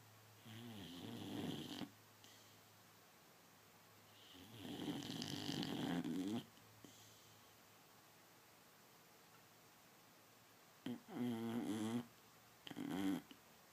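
Repeated rattling, fluttering snores on each breath, separated by quiet pauses; loud snoring from a sleeping dog.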